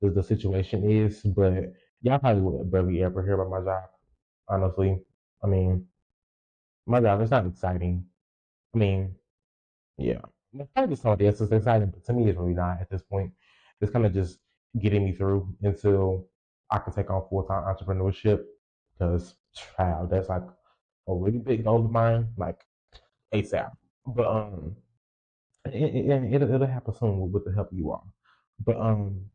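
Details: Adult male podcast host who says he has a speech impediment and has stuttered his whole life, stuttering left unedited; stuttering.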